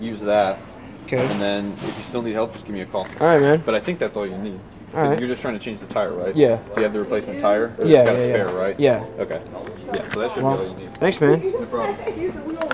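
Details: Adult men in conversation; Typical conversational speech.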